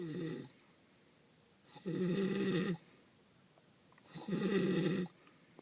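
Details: Male with a sleep disorder who falls asleep anytime and anywhere: loud, rough, buzzing inspiratory snores about every two seconds, with quiet pauses between. Snoring.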